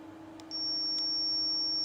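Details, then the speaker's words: Zoll R Series defibrillator during a manual self-test in defib mode, charged at 30 joules: a couple of short clicks, then a steady, continuous high-pitched charge-ready tone. "set the energy to 30 joules and press charge when the charge ready tone sounds press the down energy select button until 20 joules is reached the defibrillator will disarm itself"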